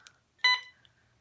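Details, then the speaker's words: Hospital bedside machine alarm beeping beside a cancer patient in a quiet room: a single short electronic beep. "got my machine to stop beeping and now I'm alone so can talk a little more freely"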